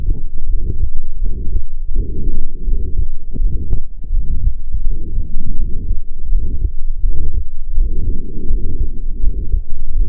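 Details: Systolic heart murmur, recorded with a Stethophone digital stethoscope, used as a marker of a range of cardiac pathologies.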